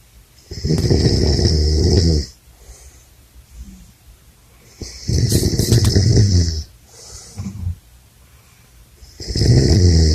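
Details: Adult man snoring at a men's retreat: loud, rattling snores on each in-breath, about 14 breaths a minute, with quieter out-breaths between; heavy snoring.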